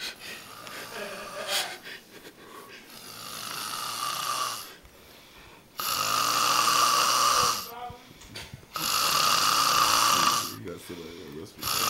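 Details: Loud, rough snoring from a sleeper on a couch: each breath brings a snore, with quiet pauses in between. A clear, repeating snoring pattern.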